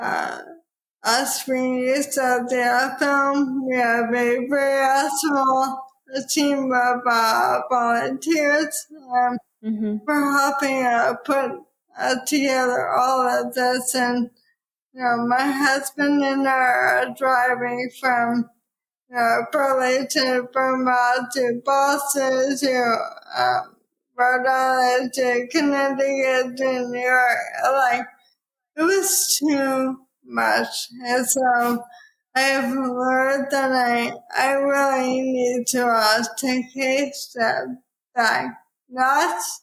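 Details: Dysarthria in a woman with probable ALS, diagnosed in 2014 at age 33 after rapid early progression (from Ironman racing to walking with a cane within six months), now about ten years after diagnosis.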